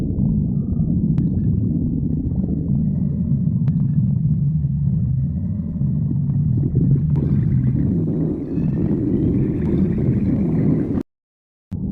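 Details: Continuous low rumbling with gurgling swells from the belly: ordinary stomach growling (borborygmi).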